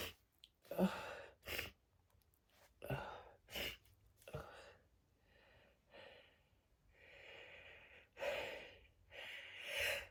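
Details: Person unable to sneeze, inducing with a clothing tag, desperate, getting only a few: several short breathy gasps and sharp bursts of air through nose and mouth; stuck sneeze attempts with a few small sneezes.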